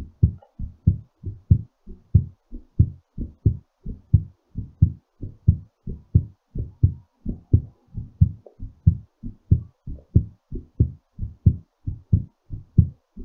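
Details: Normal heartbeat settling after exercise: steady paired thumps around 92 a minute, quickened but normal.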